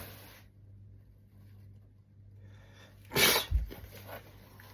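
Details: Over steady room hum, one abrupt explosive burst with a short thudding follow-through; a single sneeze.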